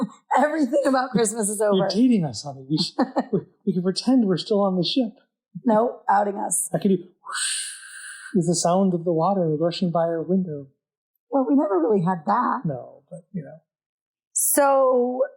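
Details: Adult conversational speech, two speakers; normal voice.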